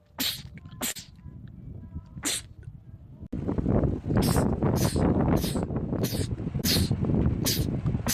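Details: Male sneezer, part of a compilation of rapid sneezing attacks: about ten short, sharp sneezes in quick succession over steady rumbling background noise, a sneezing fit.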